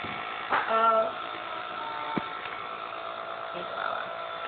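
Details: A pulmonologist gives a 1½-year-old girl a breathing treatment at home for a month-long cough: steady motorized hum of a nebulizer compressor running, with a brief voice-like sound early on.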